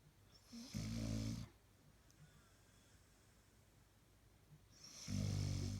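Two loud, low, rattling snores on inhalation, with quiet breathing between them; ordinary snoring in a sleeping dog.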